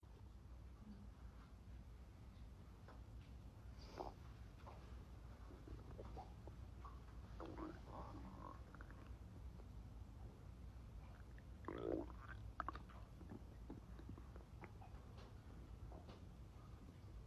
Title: Male stomach growling - by @melodiemaynard on TikTok